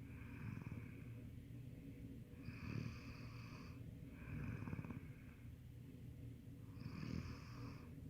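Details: Person snoring during sleep: four rough, rumbling breaths in about eight seconds, each with a buzzy upper tone, over steady low room noise. Snoring.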